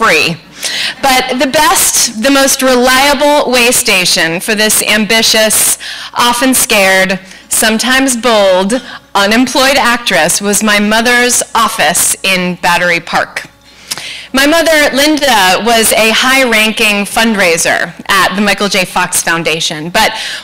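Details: Adult woman; normal speech.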